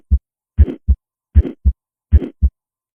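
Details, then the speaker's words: Early-peaking systolic flow murmur in a patient with anemia: regular heartbeat about 78 a minute, brief early systolic murmur fading well before an easily heard, crisp S2, contrasted with aortic stenosis where S2 is obscured. "so let me play the as murmur again so that you can appreciate how hard it is to hear s2 and then hear a typical early peaky murmur in a patient with anemia s2 here is much more"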